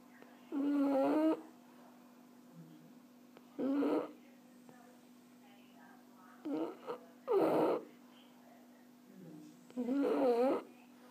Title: Erna, die französische Bulldogge schnarcht :-)